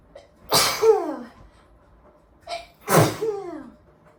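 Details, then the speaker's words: Two sneezes in quick succession while cooking with pepper and spices, each starting with a short breath in and ending in a falling, voiced burst; ordinary sneezing. "oh my gosh from Peppa oh it's everywhere and the thing is I've not even like put it anywhere near my nose it's going to happen again"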